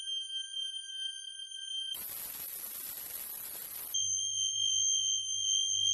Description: Whether you’re simulating hearing loss or need a paralyzing ringing, we have what you need here.